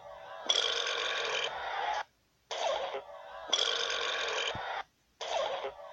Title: Burps compilation 10